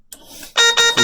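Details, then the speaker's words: Newport HTC-70 ventilator in a training demonstration: repeated loud electronic alarm tones after a brief quieter lead-in, a low-pressure alarm shown as it is not breathing against anything, with red flashing light. "and then if something were to go wrong just as you saw there it's going to throw an alarm"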